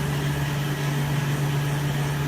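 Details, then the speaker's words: Steady low drone with airy rushing from a cryo cold-air skin cooling machine, about -20, blowing on the arm to numb pain during PicoSure laser tattoo removal; cold-air skin cooling device. "So this is a cryo machine you're using to cool down Yeah, the so arm. this just helps with the pain, doesn't it? Just sort of numbs it slightly. Cool, Very yes. cold air. Nice and cooling."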